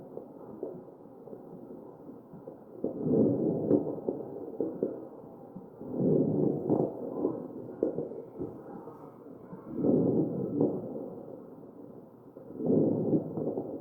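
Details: Crackles in a mechanically ventilated real patient's chest: regular machine-driven breaths with brief popping crackles.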